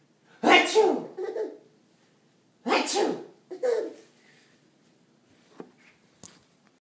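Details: Two loud, exaggerated fake sneezes imitated to make a baby laugh, followed by faint short sounds in a quiet room; simulated sneezing.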